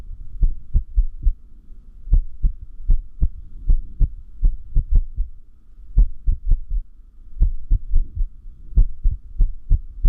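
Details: Heart sounds with low beats in uneven clusters, pauses and early beats: an irregular heartbeat (arrhythmia); the person notes the arrhythmia increases when sleep-deprived.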